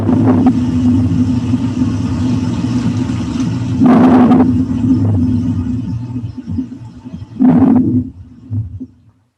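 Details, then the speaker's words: Normal vesicular breath sounds of the lung parenchyma on auscultation: soft, low rustling breaths, about 17 a minute, over a steady hum. "e esse é o famoso muro vesicular é o ar de boa é o ruído normal do parênquima pulmonar"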